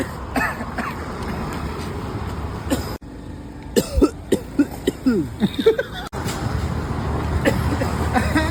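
An acted run of about seven short, throaty coughs in quick succession over steady traffic noise.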